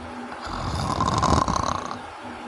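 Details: A single loud, rattling snore on breathing in, rising and fading over about two seconds; snoring described as obstructive sleep apnea.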